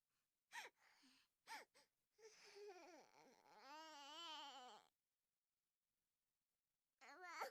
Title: Baby Crying Sound Effect #6 No Copyright Sound Effect